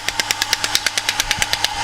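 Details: Rapid, even sharp clicking shots, about eight to nine a second, from an electric shockwave therapy device applied to the two muscles of the lower lumbar region to relax them; shockwave therapy device in operation.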